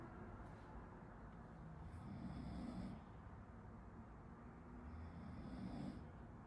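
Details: Person sleeping behind a medical student who is studying, recorded for a study-with-me video: low rumbling breaths recurring about every three seconds under room noise, consistent with snoring.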